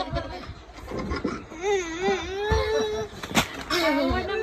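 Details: A baby sneezing with pasta coming out of the nose: a brief whimpering cry with short vocal bursts and a sharp sneeze-like burst near the end.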